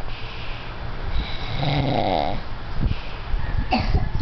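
A single rattling, vibrating snore on an in-breath, followed by softer snorting breaths in a quiet room.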